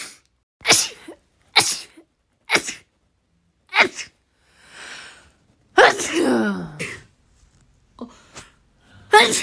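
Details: Compilation of rapid sneezes: a run of about eight sharp, explosive sneezes in quick succession with brief gaps between; ordinary sneezing.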